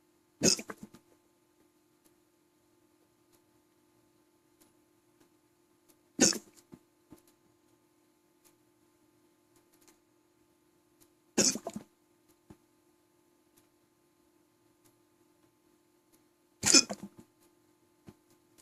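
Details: Persistent hiccups, part 2 of a long case: four sharp, abrupt hiccups at fairly even intervals, about 11 a minute, with quiet between.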